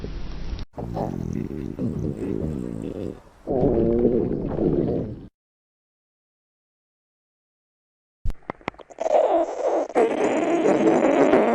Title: Stomach Growl at the Beach